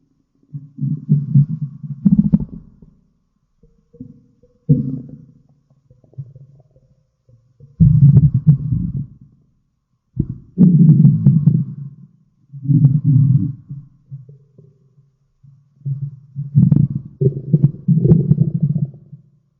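Low, gurgling, rumbling bursts of varying length come and go over about twenty seconds: ordinary stomach growling from gas and fluid moving through the gut.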